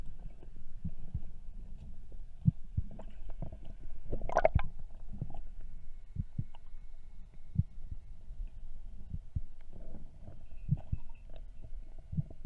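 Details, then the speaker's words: A spearfisher's own heartbeat picked up underwater by a camera while diving off Newport, Oregon: soft, low, repeated thumps beneath a steady hum and occasional bubbling. "now there's actually multiple points in this video where my camera actually picked up my heartbeat which was actually pretty interesting to me"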